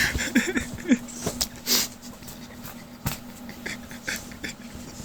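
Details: Pit bull dog sneezing: sharp, hissing bursts of air amid softer snuffling and panting, close enough to wake a sleeping person.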